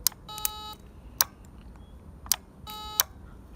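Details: Repaired Ukrainian 300 W DKVKh-300 surgical diathermocoagulator tested on meat via foot pedals: sharp clicks and short electronic beeps, two longer steady tones, as bipolar coagulation output activates; bipolar working.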